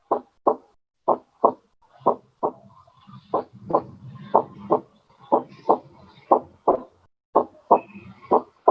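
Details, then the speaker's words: Physiology class lab recording of normal heart sounds played for students to tell S1 from S2: paired lub-dub beats about 60 a minute, first sound louder, short silence then long silence. "si notaron que si hay un silencio corto y que si hay un silencio largo sí excelente"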